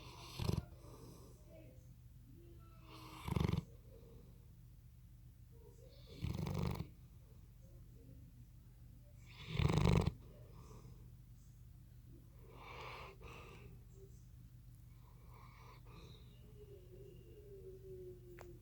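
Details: Loud snorting snores every few seconds from a sleeping Bloodhound, fading to quieter breathing, with faint room noise; snoring.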